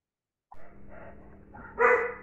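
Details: Dog with laryngeal paralysis, four weeks after laryngeal tieback surgery, barking normally again with no stridor or open-mouth breathing; some gagging from saliva; normal bark after tieback surgery.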